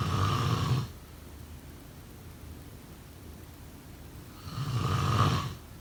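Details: Two low, buzzing snores about four seconds apart with quiet breathing between: snoring.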